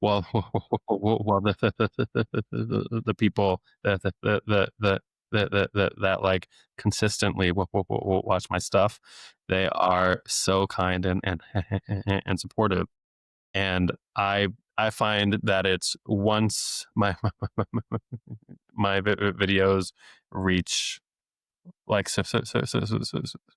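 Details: Stuttering since age eight in an adult male speech-language pathologist who deliberately lets it show, not using his strategies; repetitions of sounds, words and phrases.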